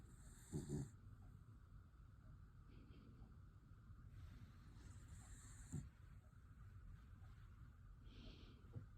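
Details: Bailey, a black miniature dachshund asleep and dreaming at bedtime, gives quiet low snores with a few soft snorty bursts over steady room hum.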